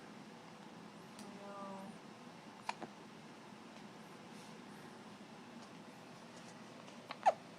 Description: 1 week old with hiccups. Super cute!